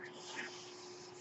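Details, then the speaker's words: The speaker's own home mechanical ventilator, heard during podcast speech: a steady mechanical hiss with a faint constant hum. "Hello everyone, that noise you're hearing is my ventilator."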